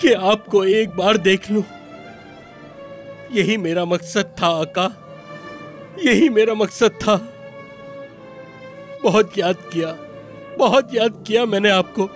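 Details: Adult man speaking Hindi-Urdu; normal speech.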